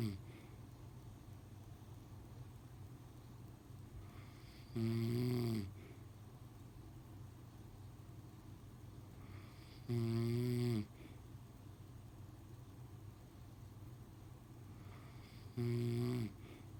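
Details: Three loud, low, rattling snores on inhalation, about 11 a minute, against quiet room noise, from a sleeping adult man (husband); snoring.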